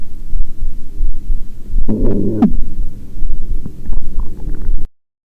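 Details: Bowel sounds (stomach growling) captured unintentionally during a heartbeat recording.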